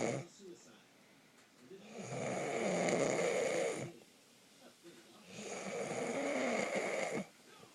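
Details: Snoring during sleep: two long, rough, rattling snores about three seconds apart with quiet gaps between, in a small room, likened to a garbage disposal with a nail in it.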